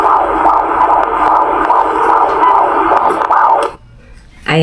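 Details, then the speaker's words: Fetal heartbeat on Doppler at about 30 weeks of pregnancy, recorded at a prenatal appointment: fast rhythmic whooshing pulses about 150 per minute, then a brief pause; reported as normal. "guys, ayan ang heartbeat ni baby. Normal naman kaya ayun."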